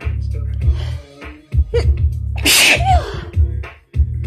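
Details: Adult with lingering cold and allergies gives a single strong sneeze, a sharp noisy burst preceded by an inward catch of breath, over low background music.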